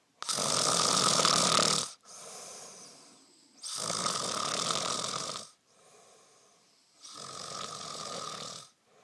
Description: My mate snoring ALL night keeping me awake :(